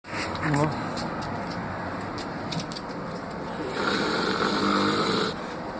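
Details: A sleeping adult snoring: rough, rumbling breathing noises against steady room noise, with a louder stretch toward the end.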